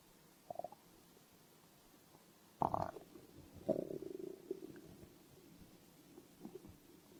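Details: Stomach growl: quiet gurgles and a couple of louder rumbling, bubbling growls from the belly.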